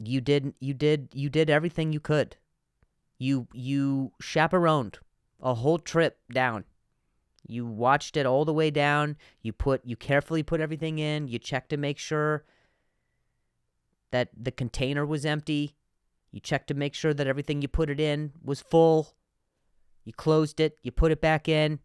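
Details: Stuttering in an adult male with repetitions of words and syllables; he reports difficulty saying some words on some days.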